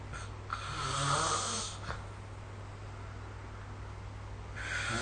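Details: Snoring during sleep recorded with the SnoreLab app: a deep, rough snore with low rumbling vibration over a steady background hum.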